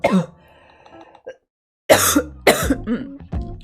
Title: Girl coughing 67